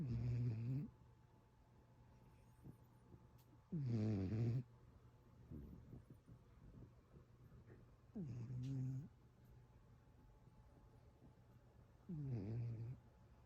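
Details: One-eared rescue cat snoring during sleep: four loud rumbling snores about four seconds apart, roughly 16 a minute, with quiet breathing between.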